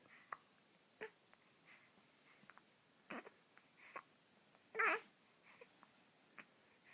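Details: Baby, awake and wiggling in the morning: soft, sudden little catches at uneven intervals with faint breathing between; infant hiccups.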